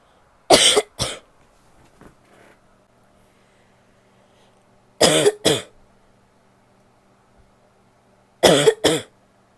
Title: Coughing (f)